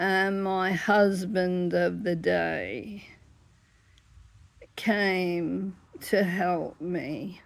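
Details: Adult woman with dystonia affecting her whole body, onset in 1985, symptoms worsening over 10 to 15 years; larynx closes up, sometimes leaving her unable to talk; laryngeal dystonia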